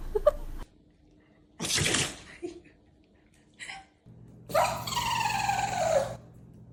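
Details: Dog sneezing: short explosive nasal bursts followed by a drawn-out whine-like vocal sound in a quiet room.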